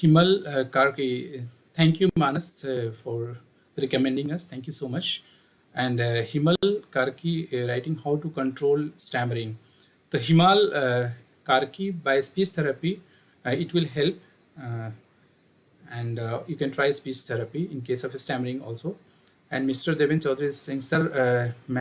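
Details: Adult male speaker; normal fluent speech.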